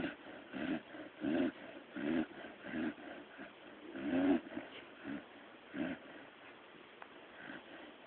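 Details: Puppy Brody sleeping: short, uneven snuffling snores in several bursts every few seconds, with quiet room sound between; ordinary dog snoring.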